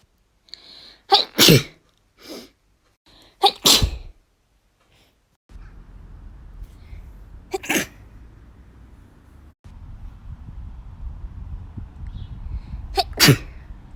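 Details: Female natural sneezes recorded over a month: several sharp, explosive sneezes, some with a brief in-breath before, separated by quiet and low room noise.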